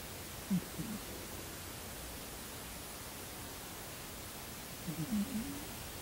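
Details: Sleeping cat giving two soft, low rasping snores about five seconds apart over a steady background hiss; ordinary snoring.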